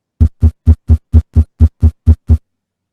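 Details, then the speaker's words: Physiology class heart-sound demonstration of a heartbeat much faster than at rest because the person is doing physical exercise. Very rapid, evenly spaced low thumps. Exercise-induced fast heart rate. "entonces fue mucho más rápido porque porque el corazón comienza a latir mucho más rápido porque está haciendo ejercicio físico"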